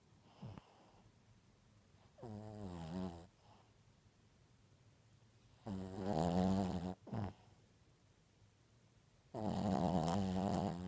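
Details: A sleeping Maltese puppy dreams and snores in rhythmic, buzzing breaths, with a brief twitchy sound between them.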